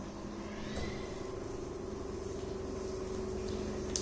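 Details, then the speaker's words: Home oxygen concentrator just switched on, supplying 0–5 L/min at 93%+ purity, obtained during COVID: steady mechanical hum with a low whirring motor tone. "अभी ये मैंने oxygen concentrator को on कर दिया है।"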